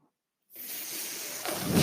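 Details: Brief silence, then a steady airy hiss that swells toward the end as the speaker's own ventilator pushes air during their podcast: a mechanical ventilator breath cycle.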